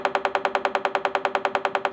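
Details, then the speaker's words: TMS therapy for treatment-resistant major depression with anxiety: a coil near the scalp delivers rapid, regular clicking taps, about ten per second, in 4-second pulse trains with 26-second pauses, felt as tapping on the side of the head. "the tapping is the magnetic pulse so that's the sound of the pulse and that is going it's going in and trying to stimulate um the neurons that are underactive with depression"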